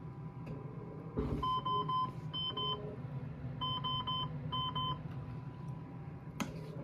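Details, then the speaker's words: Ventilator leak alarm, the most common ventilator alarm, triggered by a leaking or disconnected breathing circuit: a repeating electronic beep pattern in a quiet room; a persisting alarm leads to a disconnect alert. "이 열람은 가장 많이 생기는 암으로 열람 있다면 제일 첫 번째로 어디가 새고 있는지 확인해야합니다 기존의 압력에 한손을 정하여 옆에 분명히 나는 경우 최후의 공개가 새거나 혹은 연결이 안된 것을 감지하는 경우에 알람이 울립니다"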